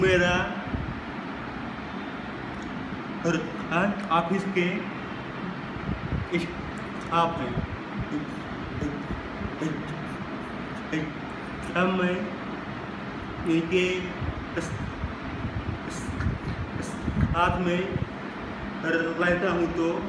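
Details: Male who stammers, says his stammer varies across situations; stuttering.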